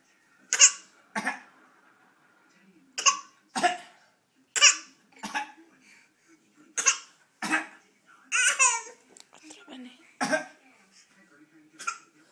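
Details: A child's cough: a series of short, sharp coughs, mostly in pairs, with brief quiet gaps between them.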